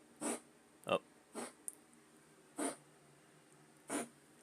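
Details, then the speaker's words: Five short, harsh, breathy hacking bursts from a pet cat coughing up hairballs, heard in the background of a live video game stream. "Okay, you can probably hear Kitty coughing up hairballs."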